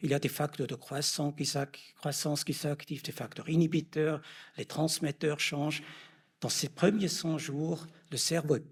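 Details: Adult male lecturer; normal speech.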